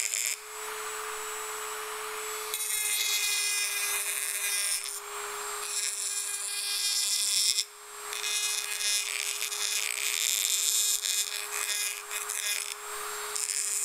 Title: {ASMR} Dentist Drilling Teeth Tool- 1 Hour Dark Screen Tingle Sounds Sleep Relax Study (NO TALKING)